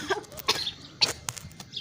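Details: Several children coughing together on purpose, quick sharp coughs in overlapping bursts: acted, deliberate coughing.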